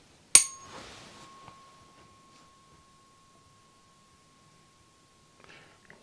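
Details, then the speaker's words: Tuning fork struck during a hearing check in an ASMR medical and cranial nerve exam role-play, a less low-pitched fork than the one before; it rings with a steady pure tone that slowly fades. "let's try something not quite so low pitched let's try that again there so that was just a fraction longer maybe there"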